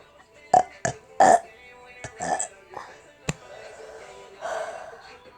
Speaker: Oh my god, I have so many burps. Ooh.